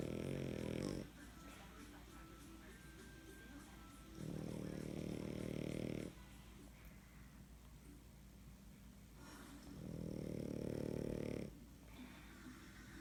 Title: My crazy snoring dog